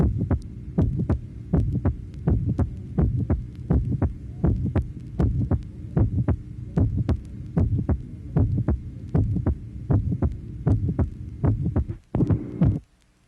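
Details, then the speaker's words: Regular heartbeat near 79 a minute, from a 1967 vinyl teaching record: mid-systolic ejection murmur with a silent gap between the murmur's end and the second sound. "tracing number nine mid systolic ejection murmur note the silence between the end of the murmur and the second sound"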